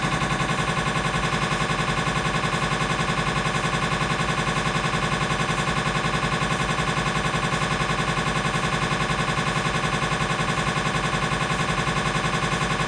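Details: Siemens MAGNETOM Lumina 3 T MRI, lumbar spine, T1-weighted sagittal turbo spin echo sequence (t1_tse_sag): loud, steady, rapid mechanical knocking at about 160 pulses a minute, MRI scanner noise.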